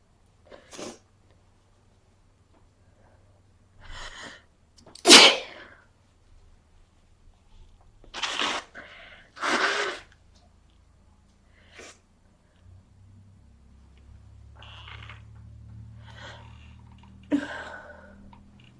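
Several sharp, explosive sneezes in a quiet room, with soft breaths in between; frequent sneezing typical of a cold.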